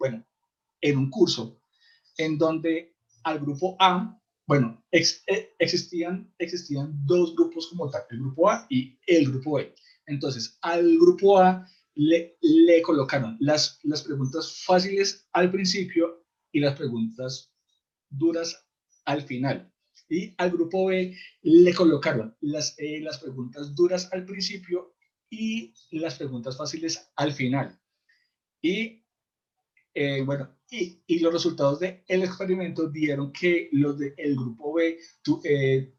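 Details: Adult male in a stuttering support group who says his stuttering cannot be cured but can be lived with; stuttering.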